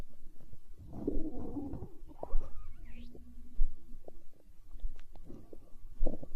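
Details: ASMR recording of a growling stomach tagged as hunger sounds: low gurgling rumbles with squeaky, rising gas sounds; stomach growling (borborygmi).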